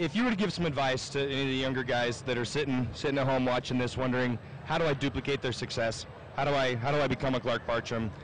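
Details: Adult man; normal voice.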